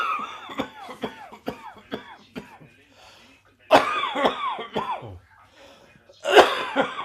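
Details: Residual bronchitis: three runs of short, harsh coughs, about ten in all, with high musical wheezy tones between them; coughing and wheezing.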